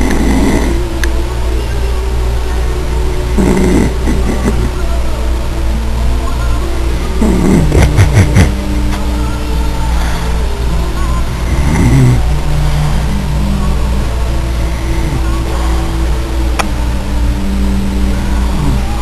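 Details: Dad snoring in sleep while someone tries to plug his nose: low rumbling snores recurring through a steady background hum, with a few brief disturbances.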